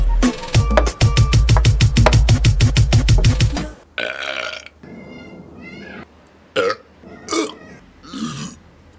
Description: A collection of burps from various TV commercials. :)